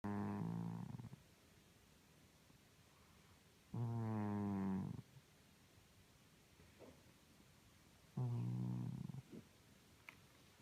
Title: Our Lazy Snoring Cat